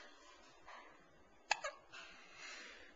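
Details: Two-week-old baby boy during his daily hiccup session: two quick, sharp little catches in his breathing in a quiet room; infant hiccups.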